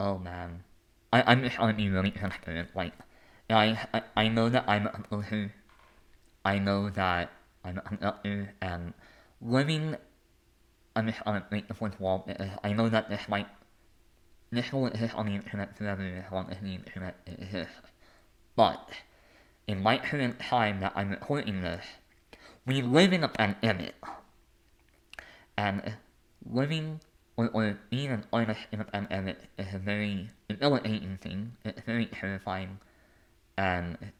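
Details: Adult male with a lifelong speech impediment; disfluent speech.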